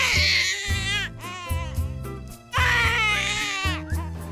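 A newborn cries in strained, tense bursts with gulping pauses, the cry linked to trapped lower gas.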